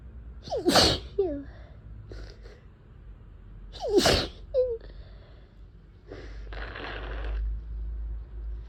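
Two forceful wet sneezes, each with a sharp intake of breath, then nose blowing; sneezing with a head cold.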